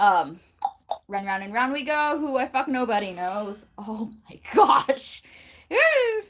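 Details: Bout of vocal tics in a person with Tourette syndrome diagnosed at 19; tics began at age nine and worsened markedly at 13, including sounds, blinking and clapping; tics described as especially bad that day.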